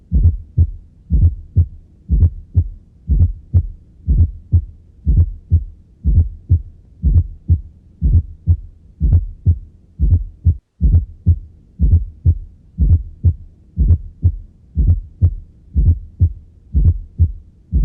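Regular low heart sounds at about 61 beats a minute, with a soft extra thud just before each first sound: a fourth heart sound (S4 gallop).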